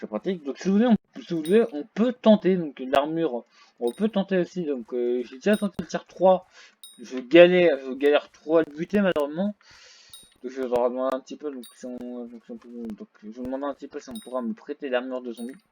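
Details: French-speaking male gamer who reports having a small stuttering problem; stuttering.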